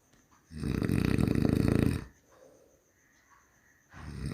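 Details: Human snoring: deep, rattling snore lasting about 1.5 seconds, then quiet exhalation before the next snore begins, with soft palate flutter.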